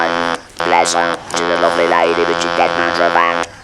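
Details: Electrolarynx speech with buzzing voice quality in a man after total laryngectomy and radiotherapy for laryngeal squamous cell carcinoma.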